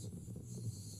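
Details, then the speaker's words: Rhonchi: a low-pitched, continuous rumbling breath sound from obstruction or narrowing of the larger airways (bronchi and bronchioles). "तो bronchi या फिर ब्रोंकयोल्स में अगर larger obstruction आ जाए, नैरो हो जाए तो एक रबलिंग साउंड आता है और उस साउंड को हम बोलते हैं ब्रोंकाई। ठीक है? और यह कुछ इस तरीके से सुनाई देता है।"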